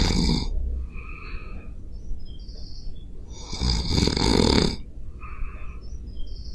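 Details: Self-recorded while sleeping on a Zoom H5 recorder: two loud, rough snores about three and a half seconds apart, with quiet breathing between and birds chirping in the background; ordinary snoring.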